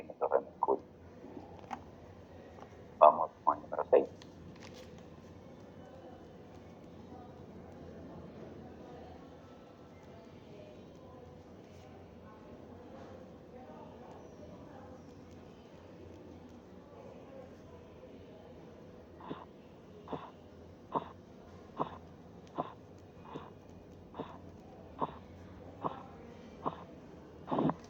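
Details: Korotkoff sounds during cuff deflation in severe hypertension: handling noise, a quiet stretch, then regular sharp tapping at about 70 a minute; systolic 182 mmHg, sounds vanish at 170, reappear, and disappear at 116 mmHg.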